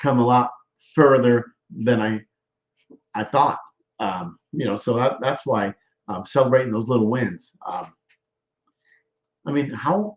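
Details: Aphasia with word-finding difficulty in a male stroke survivor.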